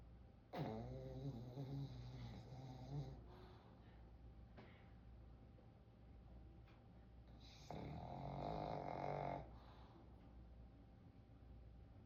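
Two long, rough, rattling snores about seven seconds apart over quiet room noise. Ordinary snoring from a sleeping dog.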